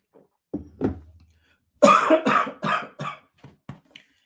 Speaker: Excuse me. That went down the wrong way. Hear that? I think I'm okay.